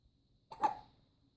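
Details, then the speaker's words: Infant during tummy time: one short, sudden, sharp catch of breath with a little voice in a quiet room, a hiccup. "Uh-oh, you got hiccups?"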